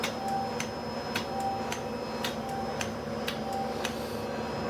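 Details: Soft regular clicks, about one a second, over quiet room hum: a radiofrequency microneedling handpiece pulsing over numbed facial skin to treat acne scars in a woman with dark Hispanic skin, after subcision, filler and a nose punch excision.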